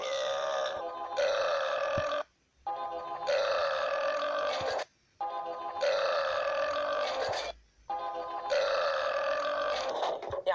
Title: Burps compilation 5